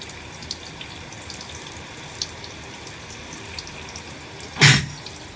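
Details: Person with a cold and nasal congestion in a steamy shower: steady running water, then one sudden explosive sneeze near the end.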